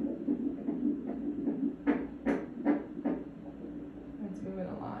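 Fast, regular whooshing pulses on ultrasound at about 150 a minute, a fetal heartbeat, with a few louder thumps.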